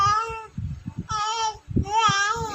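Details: Baby aged 3 months and 26 days cooing, with drawn-out tuneful vowel sounds while the mother murmurs softly and talks to the baby in Filipino; normal infant cooing.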